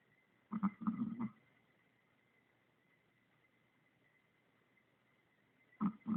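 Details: Low rumbling snorts during breathing in two clusters separated by a quiet pause: snoring in a sleeping Chihuahua.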